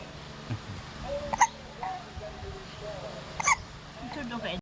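Two sharp, high, squeaky catches about two seconds apart over faint background music, typical of a baby's hiccups.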